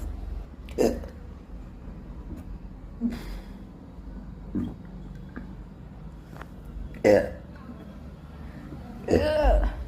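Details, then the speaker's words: Adult burping after drinking a cold fizzy Fanta on an empty stomach, feeling bubbles coming up: several low, gurgling throaty bursts a few seconds apart, the last long and drawn out. "It's bubbles. full of bubbles. I can feel it like from here it is coming up."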